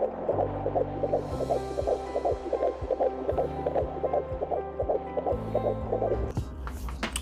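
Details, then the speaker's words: Fetal heartbeat at 16 weeks of pregnancy recorded by Doppler: fast, regular whooshing pulses at about 160 a minute with some hum, described as beating very fast. "I'm gonna be quiet while you listen to my baby's heartbeat at, how far along was I? At 16 weeks. Yes. So now you will hear my baby's heartbeat at 16 weeks."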